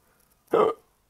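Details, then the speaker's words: Hiccup from a person a week after returning from Europe, diagnosed with a serious bacterial infection, with persistent exhausting hiccups despite many tried remedies; a single abrupt voiced gulp in a quiet room. "um drinking water and pulling on my right earlobe and uh as you can hear this is possibly the most exhausting thing I have been through"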